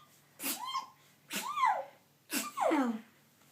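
Three forceful sneezes in quick succession, each a sharp burst of air with a voiced falling tail; a sneezing fit.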